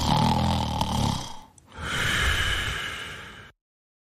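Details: A sleeping person snoring: a loud rattling snore on the in-breath, then a noisy breath out.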